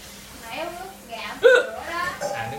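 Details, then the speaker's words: A person with hiccups occurring every few seconds: one sharp, abrupt hiccup breaks into quiet talk, before trying the drinking-water-upside-down remedy. "Bây giờ là đang bị tình trạng nứt cục, cứ khoảng một vài giây là nó sẽ bị nứt cục một lần."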